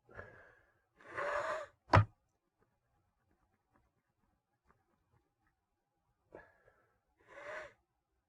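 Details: Male deliberately inducing sneezes with a paper towel: sharp indrawn gasps build to one explosive sneeze, then a quiet pause and another gasping wind-up; induced sneeze.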